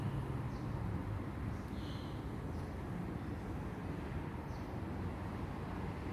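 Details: Nissei DS-11 (Terumo) automatic upper-arm blood pressure monitor, 22–42 cuff, pumping up after the start button is pressed: steady low motor hum of cuff inflation at the start of a measurement.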